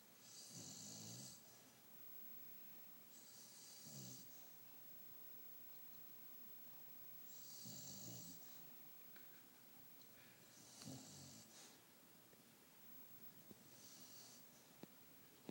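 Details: Snoring in two sleepers: slow, rhythmic snoring with low rattling breaths and hissy exhalations, about 8 to 10 breaths a minute, over steady room noise.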